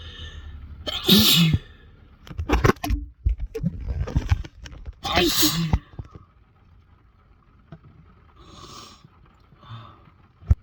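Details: Induced sneezes: two sharp explosive sneezes, each with a quick breath in before it, then quieter restrained sounds; a mix of restrained, into-tissue and mostly normal sneezes.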